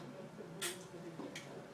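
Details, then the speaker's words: Metered-dose inhaler, shaken and then primed to clear the starting dose before use: two brief hissing puffs over faint room noise; a priming spray. "basically what we have there it's just that starting dose we're trying to getting rid of that starting dose okay"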